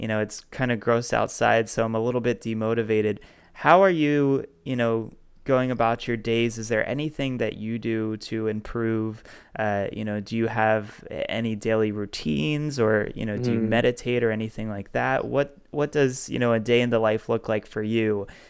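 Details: Adult man who says he has a stuttering problem and has accepted it; stuttering.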